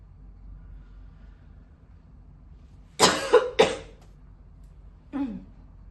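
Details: Mature woman smoker coughing hard while smoking a cigarette she calls stronger than usual; real smoker's cough: a harsh burst of three quick coughs, then a softer single cough a moment later.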